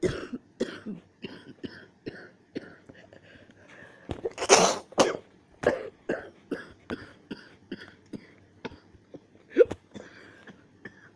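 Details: Rough coughing with near-choking: repeated short dry coughs and throat-clearing bursts, with one louder harsh burst midway; irregular coughing.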